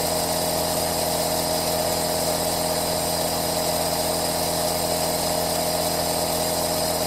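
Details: Running aerosol nebulizer compressor recorded as 10-hour 3D ASMR white noise for relaxation and sleep: continuous loud buzzing motor hum with a rough vibrating texture.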